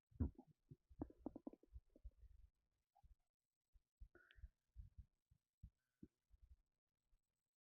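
Soft, irregular gurgles and low rumbling bursts come in uneven clusters in a quiet room, fitting bowel sounds or stomach rumbling.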